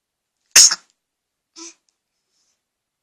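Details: Small child sneezing: a single sharp, hissing burst followed a second later by a softer short sound; one big sneeze.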